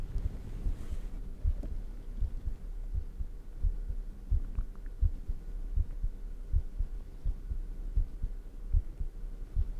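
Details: Own heartbeat recorded close up for ASMR: soft, steady low thumps at about 80 a minute under a faint hum; an ordinary-paced heartbeat.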